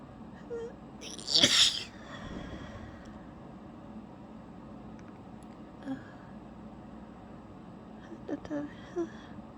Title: announced sneezing